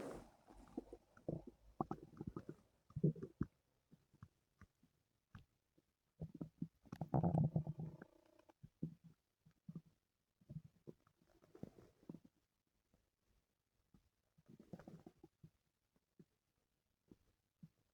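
Frequent low gurgles and growls in clusters, with a longer rumbling stretch: active bowel sounds.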